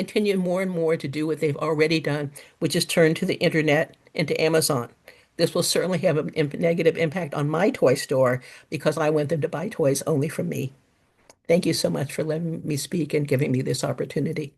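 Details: Adult speaker; normal voice.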